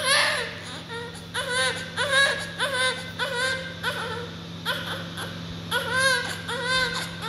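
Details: Newborn baby just born: repeated strong, high-pitched cries in short bursts with breaths between, over a steady room hum; vigorous newborn cry.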